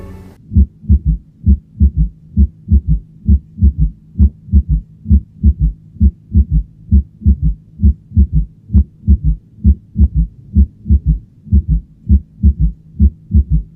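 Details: Fourth heart sound (S4 gallop).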